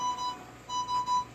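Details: Steady, high-pitched electronic ventilator alarm beeps from an infant with a tracheostomy on advanced life support, born two months premature, while she is switched to a transport ventilator.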